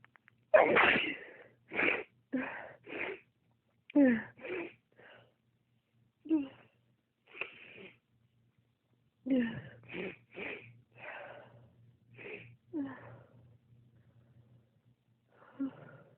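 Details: A rapid run of about a dozen short, forceful sneezes with brief pauses, an intense sneezing spell that the person says comes on when their toes get cold, such as getting up without warm socks, and that their father also has.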